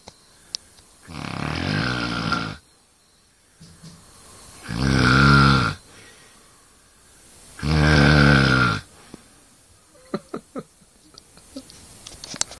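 Three loud, rattling snores on breathing in, about 20 a minute, with quiet pauses between them.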